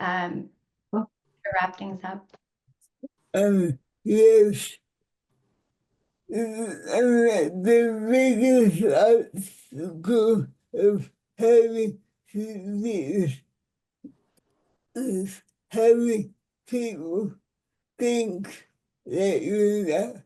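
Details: Dysarthria in a 26-year-old man with cerebral palsy; his speech is affected by the condition, which limits his expression, speaking on a webinar panel.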